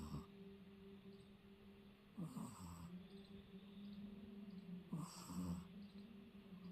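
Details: Sleeping Shih Tzu puppy snoring: soft, low snuffling snores with a faint whistle, repeating every few seconds over steady room hum.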